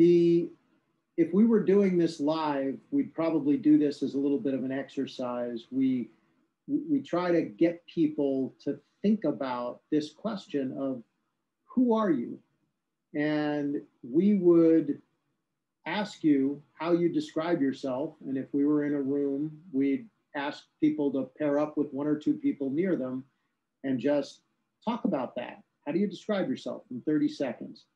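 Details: Adult man speaking; Normal speech.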